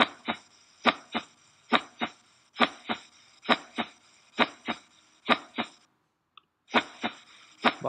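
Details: Veterinary cardiac auscultation teaching recording: regular paired lub-dub beats at about 70 a minute with a brief gap; normal first and second heart sounds.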